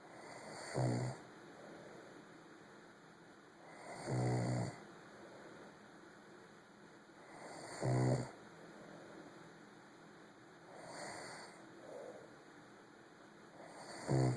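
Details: Low, rattling snores on each breath in, about 17 per minute, with quiet breathing out between, in a quiet room late at night.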